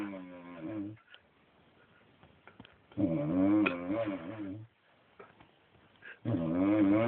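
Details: Person asleep in bed, snoring loudly with groaning snores on each breath in, about 18 a minute, with quiet pauses between them.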